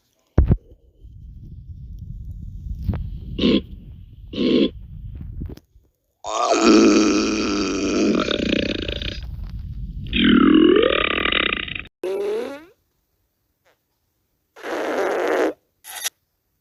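Several long, loud, rumbling belches, some drawn out for seconds, with short pauses between them.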